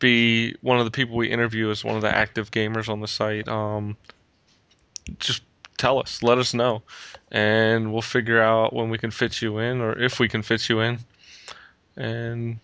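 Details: Adult male speaker; typical speech.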